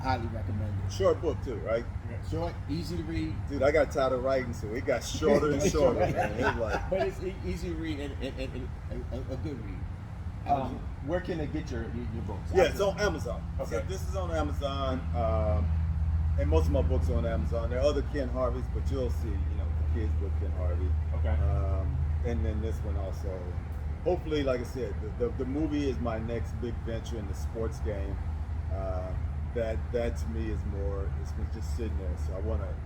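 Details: Adult man who does public speaking and says he stutters; stuttering.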